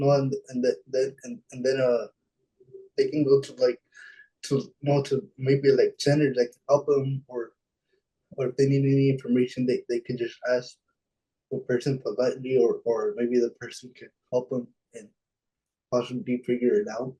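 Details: Dysarthria in a young adult man with cerebral palsy; his speech is affected by the condition, speaking on a webinar panel.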